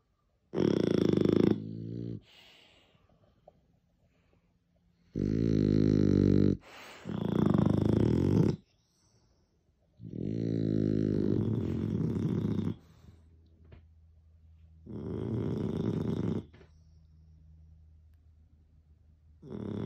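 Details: Snoring from sleeping French bulldogs: very loud, long, rumbling snores, about five in twenty seconds.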